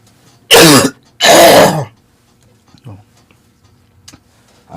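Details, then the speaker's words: Adult artist coughing while painting: two loud, harsh voiced coughs close together, the second longer and throaty like a throat clear, then faint room sounds. "it's hard when you have to hear me cough like that"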